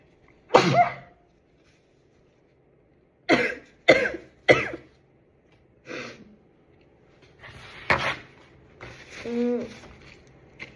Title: cold sneezes